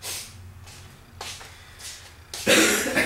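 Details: Hoarse adult, under the weather for a couple of days, coughing in a small room: a few soft, breathy bursts followed by one louder, harsh cough.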